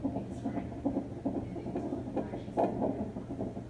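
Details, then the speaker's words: Fast whooshing fetal heartbeat on a hospital heart rate monitor during early labour at 3 cm dilation, with occasional stronger bumps, each a fetal hiccup; a normal finding. "every time it bumps, that's him having a hiccup. We can hear it on the heart rate monitor."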